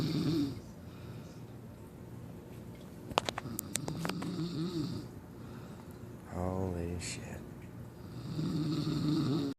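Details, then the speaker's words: Loud, harsh, rumbling chainsaw-like snores from a sleeping adult woman, some long and vibrating, repeating through the night for hours, with clicks and room noise; loud snoring. "who can sleep in the house when I got somebody [ __ ] snoring like a [ __ ] chainsaw well let me show you all night long that's over here all night long as the grizzly bear sleeps"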